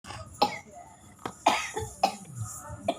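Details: A grandfather coughing: four short, harsh, dry-sounding cough bursts about half a second to a second apart, with faint room noise.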